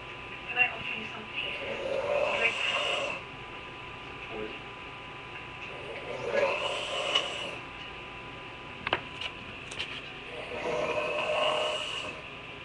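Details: Snoring at 9:45 pm: slow, rough, rattling breaths repeating about every four seconds over a steady background hum.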